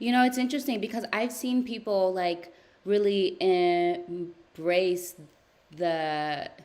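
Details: Adult woman who stutters, speaking during a live therapy session with her therapist; therapy has gradually helped her speech over time; stuttering.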